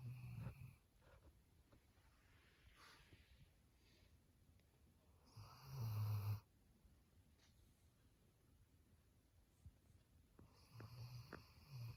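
Low rumbling snores recur every several seconds, with quiet gaps between them, about 10 a minute. Ordinary snoring.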